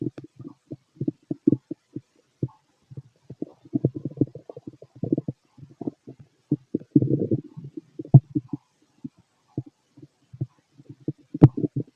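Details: Stomach growling from a fit male heard through a stethoscope: frequent low gurgles and irregular rumbling bursts; active, normal bowel sounds.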